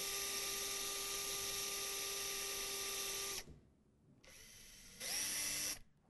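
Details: Steady high-pitched power drill whine that stops, then a brief second run; a trocar-tip Schanz screw drilled through both cortices of a training bone model, penetrating soft tissue about 3-4 mm.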